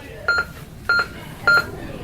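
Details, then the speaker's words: Cardiac monitor/defibrillator with QRS volume turned on, heart rate shown as 105; regular electronic beeps, one per heartbeat, at about 100–105 a minute; QRS beep tone. "To hear the heartbeat, we can use our speed dial to select heart rate, and go into QRS volume, selecting that, and we can hear the heart rate like so."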